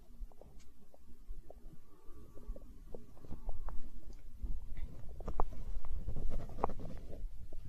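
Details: Stomach growling (borborygmi) recorded for ASMR, tagged as hunger sounds: low rumbling with bursts of gurgles and squeaks, building louder.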